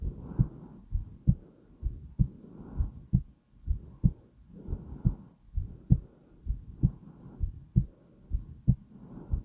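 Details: Slow, calm heartbeat: steady, unhurried deep low thumps at about 65 beats a minute with a soft whooshing between beats.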